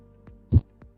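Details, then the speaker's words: A normal heartbeat recording with English narration is played in a veterinary internal-medicine seminar on ageing pets' heart disease, described as the same in dogs and humans: a strong low thump with fainter beats, rhythmic; normal heart sounds. "보시면 되게 리드미컬하게 들리시죠 그러니까 우리 그 맨날 교수님이 가지고 뭐 설명해 주셨던 기억이 나는데 이게 보면은 처음에 딱 치는 소리가 딱 나는게 있어요"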